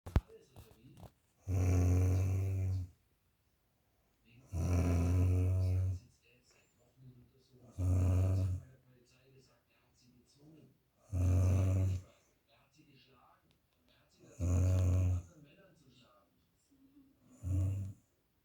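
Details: Adult woman snoring very loudly while asleep: loud, deep, rumbling snores on each breath in, about six over 18 seconds (roughly 19 a minute), with quiet breathing out between; heavy snoring.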